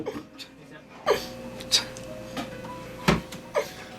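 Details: 22-year-old male with Tourette's syndrome, in whom tongue blades placed in the mouth are reported to stop his head movements and vocal tic; vocal tics.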